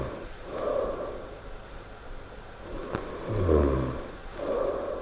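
Low rough snoring noise that rises and falls with slow breaths, about three in five seconds, over steady room noise.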